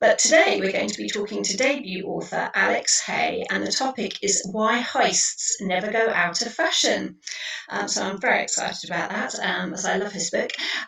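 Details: Adult woman; normal voice.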